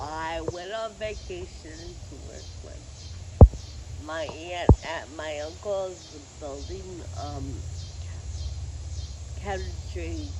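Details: Adult woman with Friedreich ataxia who uses a wheelchair: ataxic dysarthria.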